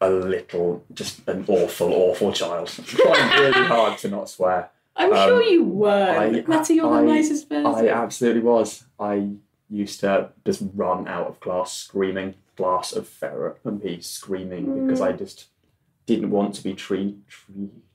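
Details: Adult man who has stammered since childhood, for about 25 years, speaking in conversation; stammering.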